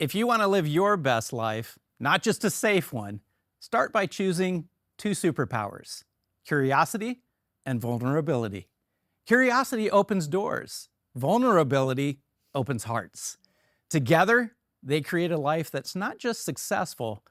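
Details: Adult male speaker; normal speech.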